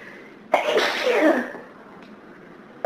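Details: A single forceful sneeze with a sharp burst and trailing exhale, one of many repeated sneezes on a heavy hay fever day; the person says they can't stop; hay fever sneezing.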